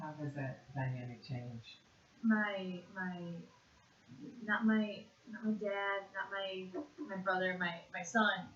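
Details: Conduction aphasia, severe (WAB-R aphasia quotient 49.2), in a 56.5-year-old woman after a single left-hemisphere stroke in June 2012.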